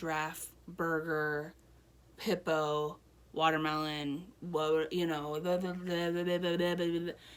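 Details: Adult woman, real patient, one year after a stroke, with Broca's aphasia and impaired reading and writing; Broca's aphasia.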